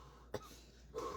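A single short cough, then the start of a voice; an ordinary cough in an adult with a cold.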